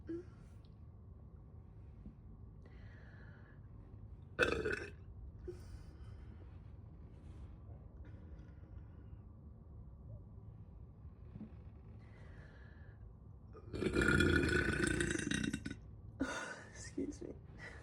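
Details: Person recording their own burps, with bloating and soda tagged: a brief belch, then a loud, drawn-out voiced belch from the throat and a quick one after, over quiet room noise; burping.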